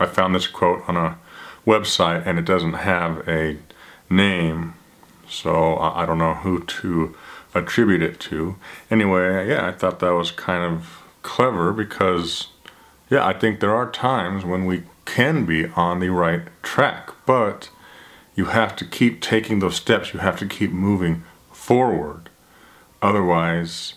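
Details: Adult man who stutters; stuttering.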